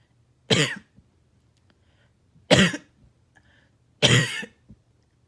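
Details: Barking cough at night: three harsh, abrupt, hoarse coughs about 1.5 seconds apart in a quiet room, each followed by a short catch.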